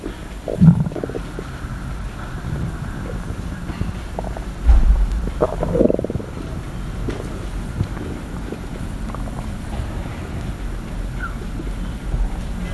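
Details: Stomach sounds ASMR, stomach growling: low rumbling gurgles, crackles and a few sloshing bursts over steady low background noise; ordinary bowel sounds.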